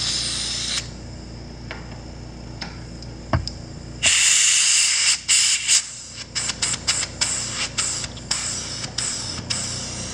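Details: Ex-military ASI 2025M portable dental unit with high-speed fiber-optic, slow-speed, Kavo electric and ultrasonic attachments, saliva ejector and high-speed suction run in turn: high-pitched whining and hissing bursts starting and stopping, with air spray.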